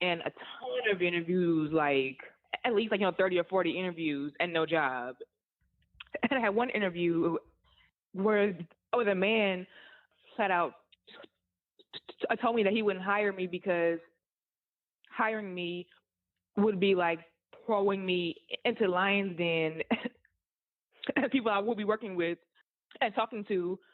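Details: Adult woman who stutters, an author and content creator, says stuttering hurt her job search and interviews; stuttering.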